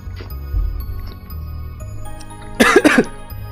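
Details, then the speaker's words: An adult gives two sharp, harsh coughs over soft background music after a sip of cola went down the wrong way; coughing after aspirating a drink. "that went down the wrong way I don't know I'm feigning myself excuse me while I choke to death oh all right hmm my lungs are now filled with off-brand Cola"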